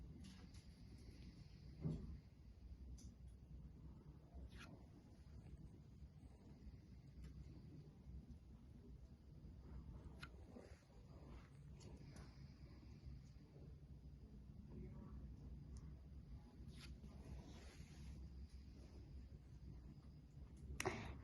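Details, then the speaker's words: Soft, low rustling breath sounds through a stethoscope over the back of an adolescent breathing through the mouth, with occasional stethoscope clicks; examined bottom to top bilaterally; normal vesicular breathing. "el mayor murmullo se debería escuchar en la base de los pulmones y este murmullo suele tener una tonalidad baja o suave"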